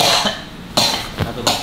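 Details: Woman with a cough of about three years, plus long-standing headaches and nasal stuffiness: loud, harsh coughs in quick succession, each with a strong noisy onset; chronic cough.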